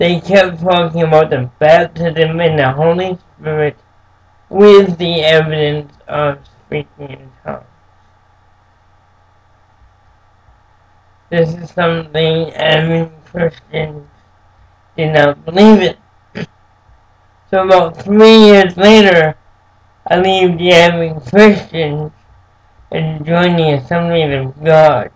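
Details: Adult man born with cerebral palsy, who says it makes him move and speak differently; dysarthria (cerebral palsy).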